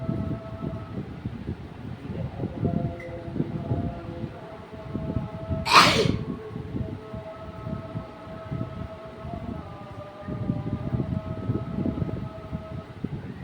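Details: Single loud, sharp sneeze amid rustling and nose-blowing into a towel, steady room hum; sneezing and nose-blowing challenge.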